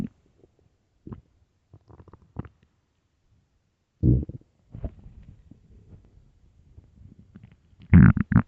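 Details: Early morning stomach growling recorded for headphones: scattered gurgles, a drawn-out low growl and a loud final rumble; ordinary bowel sounds.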